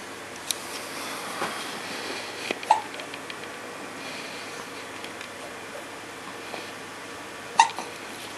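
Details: 10-day-old baby with hiccups: short, sharp hiccup sounds, about three in eight seconds, over steady room noise; infant hiccups.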